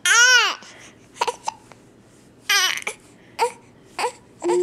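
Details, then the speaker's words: A baby crying after finishing his bottle while he had hiccups: several short, high-pitched cries with fussing in a quiet room, a cranky infant cry. "you're on camera you can't cry no we're just gonna be cranky are we gonna be cranky okay we're gonna stop filming so I can give him hugs and nuts and calm him down"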